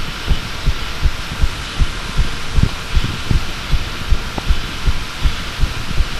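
Regular low thumps, about 80 beats a minute paired, over steady hiss. Normal heartbeat.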